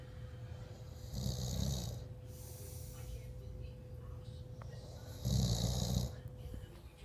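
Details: Adult man (dad) sleeping in a hotel room, snoring: two low, rattling snores about four seconds apart over steady room hum.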